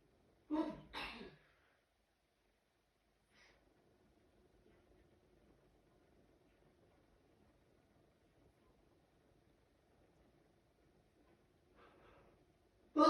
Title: Natural Sneezing Fit